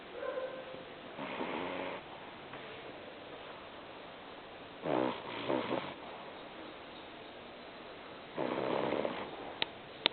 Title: snoring.AVI